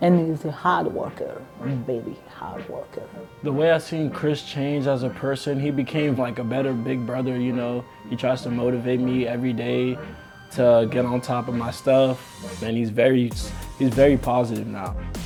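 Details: Young adult male speaker; ordinary speech.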